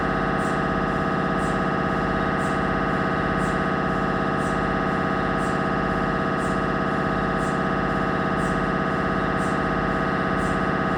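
Loud, continuous rapid buzzing drone with a faint beat about once a second: gradient noise of an MRI scanner during imaging.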